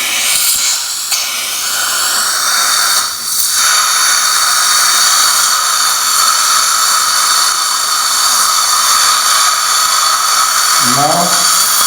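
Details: Loud, steady high-pitched whine of a dental drill with hiss of water spray: drilling the osteotomy for an immediate implant replacing a fractured front tooth in an aesthetic zone, with a small bone defect on cone beam.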